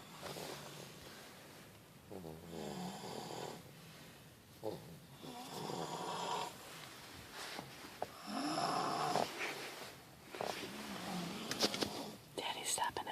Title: Snoring babes.mp4